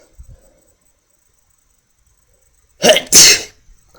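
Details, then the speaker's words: Man deliberately triggers a sneeze by pressing a fingernail against the inner wall of his left nostril: quiet, a brief inhaled catch, then a loud, forceful sneeze. "sneezing see I'm done but watch ready I can do it again gets a little harder after takes a little longer more pressure"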